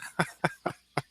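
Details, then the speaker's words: A cat sneezes in the background of a room recording: four quick, sharp sneezes packed into about one second in a rapid-fire run, quiet room behind. "By the way, If you hear that sneezing in the background, that's my cat."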